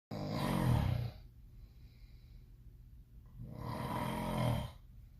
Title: Sleeping but SOME ONE IS SNORING SO LOUD #snoring #sound #stopsnoring